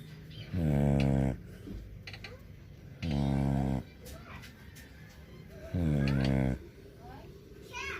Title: when your dog snore sounds like a boat